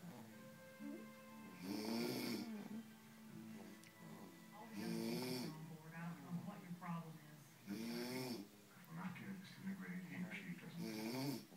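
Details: 6-week-old male infant snoring: loud, rough snores about every three seconds, around 20 a minute, with talk and tonal sounds faintly behind; infant snoring.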